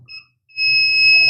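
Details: GCE Zen-O lite portable oxygen concentrator with a call-service error and no pressure output: a brief high-pitched electronic beep, then a sustained alarm tone over a low motor hum at start-up.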